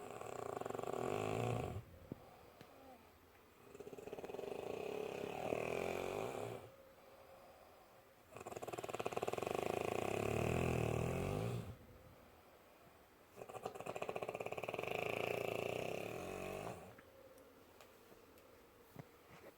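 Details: Loud rattling snores on each breath, about 10 breaths a minute, with quiet gaps between; snoring.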